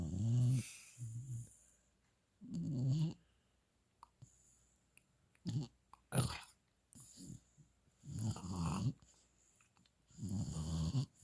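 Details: Rhythmic low rattling snores, about 24 a minute, with soft licking and mouth noises, while sleeping with mouth wide open, worn out after his first walk ever following his final set of shots.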